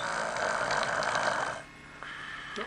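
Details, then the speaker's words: A man sleeping on a carpeted floor gives a single loud, rough, rattling snore lasting over a second, then quiet room noise. He keeps sleeping even when his nose is plugged. Snoring. "no makes a lot of noise when he"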